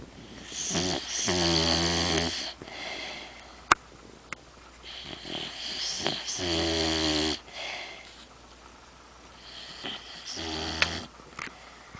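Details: Snoring from a sleeping overweight female dog: loud rattling snores on each breath, with snorting, hissing air in between.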